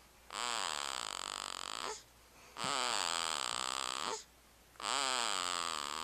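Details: Snoring recorded with a Flip Video camera: three long, loud, pitched rattling sounds on regular breaths, about 27 a minute, with quiet gaps between.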